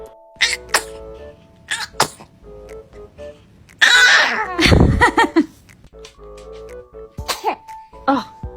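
A burst of sneezing from a baby, heard over background music with short vocal sounds around it.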